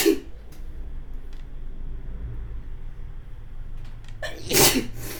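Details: Pepper-triggered sneezing with runny nose in a model: tail of one sneeze, quiet pause, then sharp inhale and loud explosive sneeze. Finding: sneezing.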